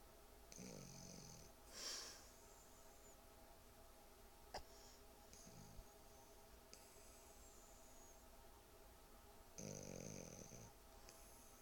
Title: Pumba snores